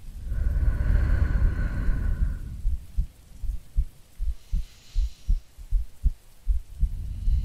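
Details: Soft steady heartbeat at roughly 78 a minute under rain and rolling thunder, a recorded heartbeat presented as a sleeping girlfriend's for sleep-aid ASMR; heartbeat.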